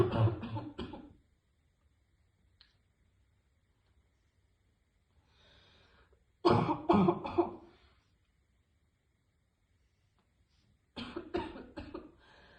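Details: Adult woman, heavy smoker, coughing while taking deep vape hits: three short bouts of harsh, barking coughs, about eleven in all; smoker's cough.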